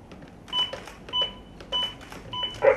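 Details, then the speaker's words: Training AED during a CPR demonstration: the voice prompt says to attach the pads to the chest and that a shock was delivered, to start CPR; steady metronome beeps at about 100 per minute pace chest compressions. "กดติดแผ่นไปที่หน้าอกนะครับผู้ป่วยได้รับการช็อให้เริ่มCPR"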